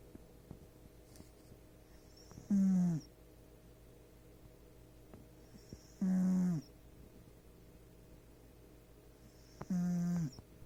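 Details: Three short, low snoring sounds, each followed by a brief faint whistle, roughly every three and a half seconds, from a snoring cat in a quiet room.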